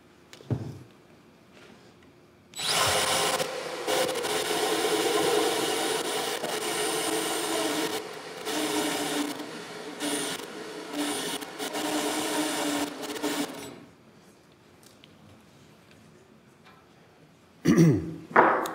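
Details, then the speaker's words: Acetabular reaming during a hip replacement demonstration: about eleven seconds of steady grinding power-tool whir, then quiet, as the hip socket is prepared sequentially with reamers of 50 and then 52 size before trial implantation. "okay so what we'll do is we'll sequentially you got a 50 socket 52 okay we'll sequentially prepare the hip socket"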